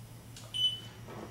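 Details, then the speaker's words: Accu-Chek Inform hospital glucometer gives a single short high-pitched beep as it registers a scanned barcode during level 2 control solution testing; the meter then asks for the strip to be scanned again; glucometer beep. "and as soon as it registers, it beeps. It also wants you to do the strip scan one more time."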